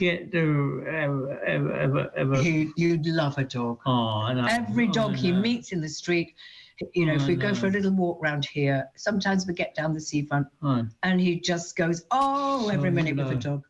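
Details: Adult speaker; ordinary speech.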